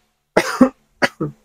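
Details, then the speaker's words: A physical therapist demonstrates the evacuation phase of autogenic drainage: a deep nasal inhale for 4 seconds and a 2-second hold, five times, then two deliberate paired coughs to expel loosened phlegm. "finally we are down the last stage therapy which is the evacuation phase ish just by inhaling through your nose deeply for 4 seconds and then I hold for 2 seconds"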